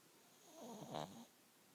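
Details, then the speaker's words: A 14-year-old Shih Tzu dog, deeply asleep, gives a single brief, rough, rattling snore over faint room hum; snoring. "his dog has learned how to uh mimic it but he's dead asleep listen to him go snoring dog"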